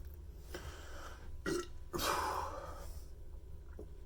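An adult man burps several times in a row, with low, throaty, rumbling bursts of swallowed air.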